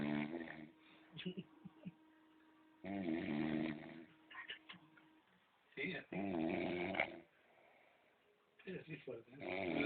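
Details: Snoring sleeper: loud rattling snores, about three in ten seconds, with snorting and shuffling sounds between them.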